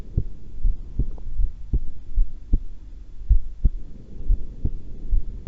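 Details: Own heart sounds recorded while calmly holding the breath twice, not excited: soft, regular low thumps at about 75 beats a minute over rumbling background; normal heart sounds.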